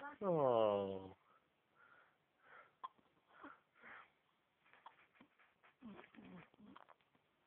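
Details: Baby just after waking with a bad case of hiccups: a brief cry, then about ten soft, short, repeated hiccup catches roughly every half second to one second.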